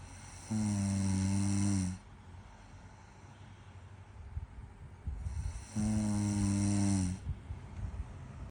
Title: 여자친구 코골이 / G.F snoring🤣🤣 #shorts